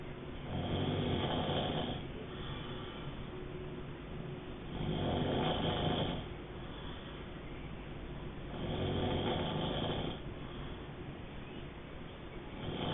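Slow rhythmic rough breathing noise, about 16 cycles a minute, swelling with each breath in a quiet room; snoring.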